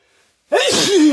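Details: Build-up from a tickle in the nose ("I'm gonna... Ahhh"), then a single loud, explosive sneeze with a voiced burst trailing off.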